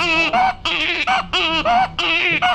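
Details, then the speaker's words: Infant inspiratory stridor present from birth, from vocal cord paralysis: rapid, high-pitched musical crowing, predominantly on inspiration. "ustedes escuchan que es inspiratorio presencialmente y de tono agudo"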